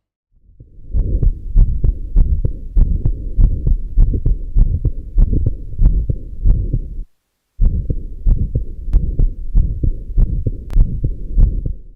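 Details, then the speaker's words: Mixed aortic stenosis and regurgitation: systolic murmur at the base of the heart and early diastolic murmur at the left sternal edge, heard as a continuous rushing murmur filling systole and diastole. "remember a combination of a systolic murmur at the base of the heart an early diastolic murmur at the left sternal edge is typically seen in combined chaotic stenosis and rehabilitation"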